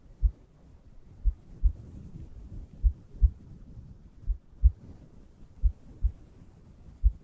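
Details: Normal heartbeat sounds presented as ASMR for relaxation and sleep.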